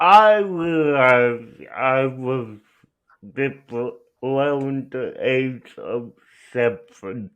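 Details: Adult male speaker; dysarthria (cerebral palsy).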